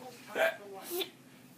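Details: Infant with hiccups after laughing for two minutes: two brief, abrupt voiced catches about half a second apart in a quiet room.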